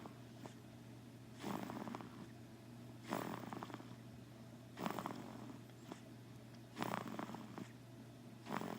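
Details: Ordinary snoring: soft, rasping snores about every two seconds, roughly 30 a minute, over a steady low room hum.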